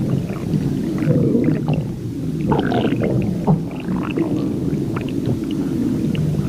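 Low, bubbling gurgles and drawn-out rumbling squeaks over a steady low hum: ordinary stomach growling (borborygmi) from gas and fluid moving through the gut.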